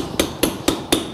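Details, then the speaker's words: Total knee replacement: four sharp, evenly spaced metallic mallet blows with an impactor seating a one-piece component that also serves as the trial, first impacting straight on. "also serves as the trial. I'm a internal impactor, which allows you to impact in the notch and force the femoral component in extension. So we'll first impact straight on."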